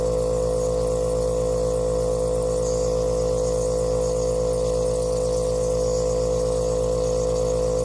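Loud, steady buzzing hum with a fast even pulse, a compressor nebulizer running.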